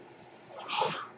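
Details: The speaker's own ventilator heard during a podcast recording: a low, steady hiss, then a rising and falling rush of air lasting about half a second; mechanical ventilator breath cycle.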